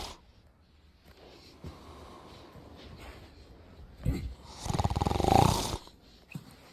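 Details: Father snoring while asleep: quiet breathing with a few soft snorts, then one loud rattling snore on an in-breath near the end.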